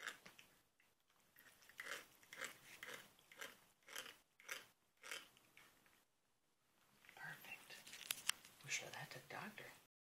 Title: Teeth grinding kitty